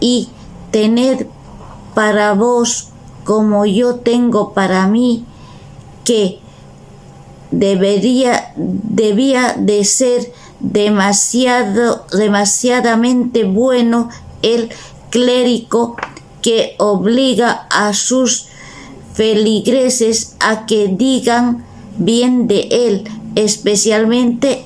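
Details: Real adult with aphasia, a member of a Spanish aphasia association, reading a classic Spanish literary text aloud in Spanish in a prerecorded reading; aphasia.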